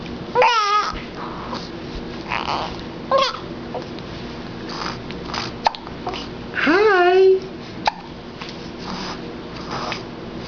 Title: Baby Hiccups